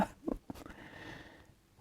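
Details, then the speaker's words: Unwell adult with bouts of fever and a cough makes a few quiet, clipped bursts of breath while speaking, like a stifled sneeze or small cough; stifled sneeze or cough. "parle plus fort je tousse donc faudra juste monter le son pour bien entendre je suis désolé entre deux poussées de fièvre"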